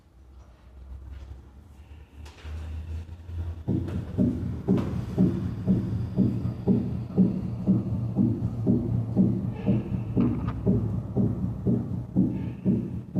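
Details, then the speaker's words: Split first heart sound at 60 beats per minute, heard as nearly three sounds; physiological S1 splitting is described as rare. "continuamos en este área pero apreciemos ahora el desdoblamiento de s1 que se ilustra en la figura s primero a 60 latios"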